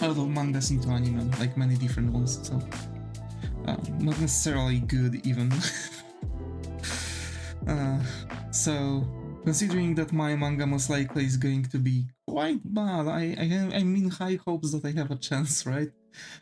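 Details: Male streamer with stuttering he believes was most likely caused by stress from social interactions, also diagnosed with a form of autism; mostly outgrown without a specialist but still occurs at times; word repetitions heard; stuttering.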